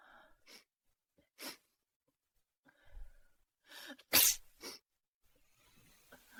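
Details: AI-generated (Sora2), not a real recording: several quick breathy sniffs and bursts building to one sharp, loud sneeze, then a softer follow-up; a sneezing fit.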